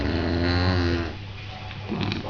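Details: Bulldog puppy asleep: a loud, low, rumbling snore on one breath in, then a quieter breath out; ordinary snoring.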